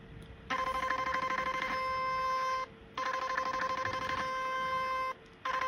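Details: Portable 7D HIFU machine firing during facial treatment over cooling gel, worked from down to up and avoiding the temple and cheekbone areas: repeated buzzing electronic tones about two seconds long with short gaps.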